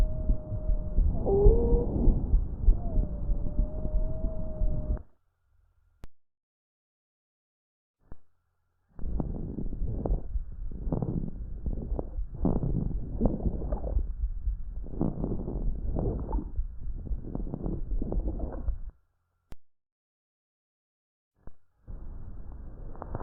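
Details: Lung auscultation recording demonstrating abnormal adventitious breath sounds, played after normal breath sounds.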